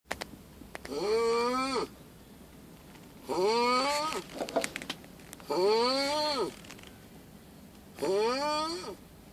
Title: bear snore